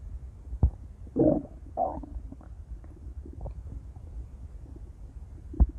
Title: intense stomach growls | (!!) - [REUPLOAD]